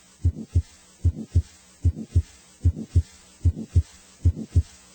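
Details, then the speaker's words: Grade 2/6 heart murmur, quiet but heard immediately on placing the stethoscope: steady heartbeat at about 75 a minute with a soft whooshing murmur between the two heart sounds. "A grade two murmur is quiet but heard immediately after placing the stethoscope on the chest."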